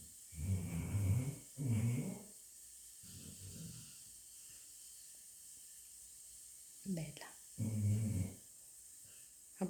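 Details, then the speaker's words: Deep, rumbling snores recurring at irregular intervals with quiet pauses, from a sleeping female dog the owner says is dreaming and snores louder than a man; snoring. "Who said the dogs don't snore? She snores louder than my husband. She's dreaming."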